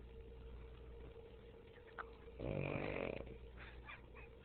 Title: puggy snoring while awake